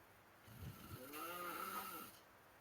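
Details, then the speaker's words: Man snoring, heard over an online chat site: a single long, rough, vibrating sleep breath with a droning buzz against quiet room noise. "so um I was on geek Report with my friend and we found this it's just listen to this he's just snoring like dude he's out forward holy wow"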